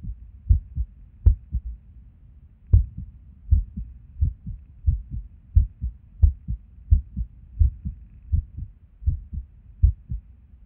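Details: Resting heartbeat recorded at Erb's point while sitting at a desk: low thudding beats about 85 a minute with uneven spacing, occasional pauses and early beats; irregular heartbeat with skipped beats, with and without reason.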